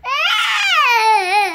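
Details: Infant crying for attention: a single sustained, wavering cry with a clear, tonal voice and no strain or hoarseness.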